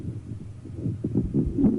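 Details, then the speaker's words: Rhonchus: low-pitched, rumbling, snoring-like sound beneath the other adventitious sounds, heard while monophonic and polyphonic wheezes of an adolescent girl's asthma attack are being demonstrated; auscultation teaching recording. "on y va monophonique ville polyphonies mais nous avons un rochus au dessous"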